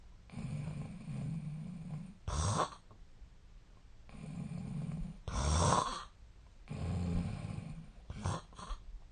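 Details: Real sleep recording from 8 years ago of a Japanese adult, who suspects a long-standing sleep disorder: low rumbling snores alternating with sharp, noisy breath bursts over several cycles; heavy snoring.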